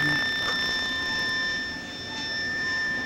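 Steady high electronic alarm tone sounding continuously, with faint room noise; a hospital equipment alarm.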